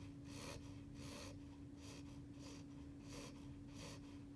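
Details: Beagle puppy just over 8 weeks old, napping on his first night in his new home, about 30 seconds into sleep: soft, regular snuffly breaths, light nasal snoring, with a steady room hum.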